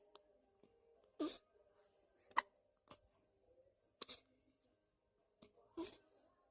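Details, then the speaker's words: A baby boy with big hiccups that he cannot be fed through: repeated hiccup sounds. "this is my little one he has the hiccups mm-hmm unfortunately i can't i can't feed him"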